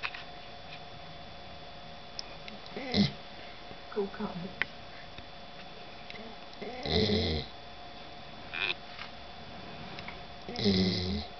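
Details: Dog Edy snoring while sleeping deeply, exhausted after four days travelling to a world dog show; snoring.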